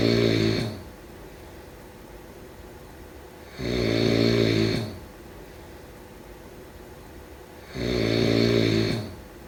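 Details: Regular rattling snores on each in-breath, about every four seconds, roughly 14 breaths a minute, with quiet breathing between; snoring during sleep.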